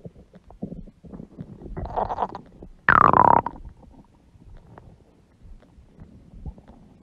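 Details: Woman's huge belly stomach growling: gurgling, rumbling noises with one loud, drawn-out squealing growl, stomach growling from gas and fluid moving through the gut.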